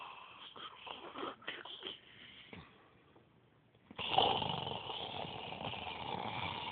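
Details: Sleeping adult woman, recorded on an Android phone: irregular rattling, snorting breaths, then a louder rough inhalation with nasal flutter; snoring.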